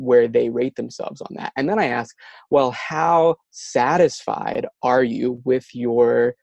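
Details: Adult who stutters, with words and syllables getting stuck and not produced at the right time; stuttering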